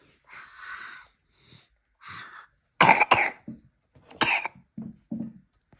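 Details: Three breathy exhalations or hot-water steam-inhaling sounds, then about four loud, harsh coughs with throat clearing, from an adult resting all day with a cold and cough; cough.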